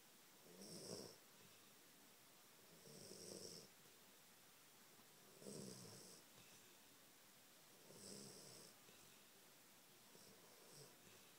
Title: Peaches snoring